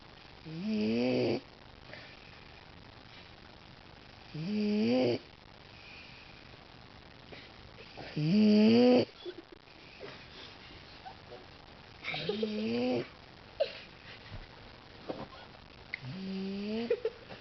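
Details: Loud, rattling snores, five in about 17 seconds, each lasting about a second (about 16 a minute), separated by quiet breathing; snoring.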